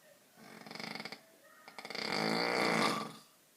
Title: The snore to put all other snores to shame